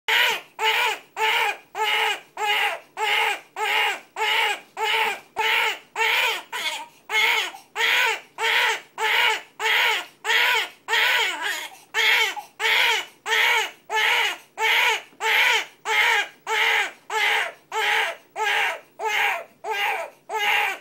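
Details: Infant crying in an unusual cry, short, evenly spaced bursts about 95 a minute in a steady rhythmic pattern; infant crying.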